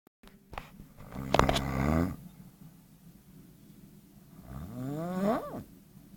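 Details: Snoring.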